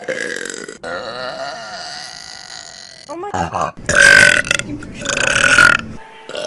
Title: Best Burps From Vine || #18 || January 2015